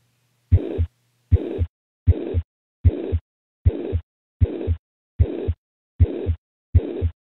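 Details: Example of a high-pitched heart murmur.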